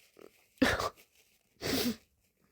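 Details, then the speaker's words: A person trying to hold back sneezing with a tissue gives a brief catch of breath, then two sharp explosive bursts, likely wet sneezes, one after another. "I'm trying to hold it back, but Oh, I think I'm going to make a mess."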